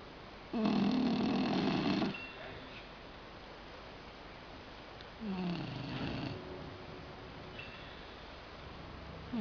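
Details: A cat snoring loudly: long, coarse, throaty rumbling sounds on each breath, with quiet pauses between, over steady room noise.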